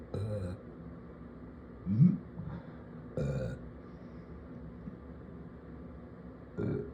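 Four low, throaty belches spread over several seconds in a quiet room: burping.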